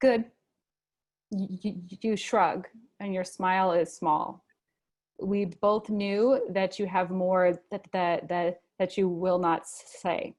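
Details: Adult male, a father, who stutters and chooses to stutter openly, speaking at a convention for young people who stutter; stuttering.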